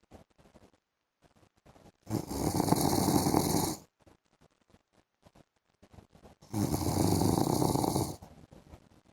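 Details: Adult man (husband) snoring during an afternoon sleep: two long, rough, vibrating snores on inhaling, separated by quiet pauses, about one every four to five seconds; snoring.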